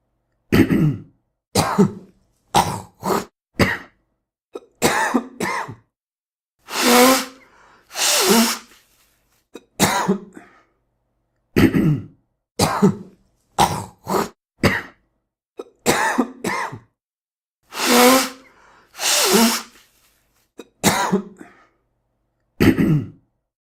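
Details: Acted sound-effect sequence of short coughs and throat clearing with two long nose blows, repeated twice; cough and throat clearing.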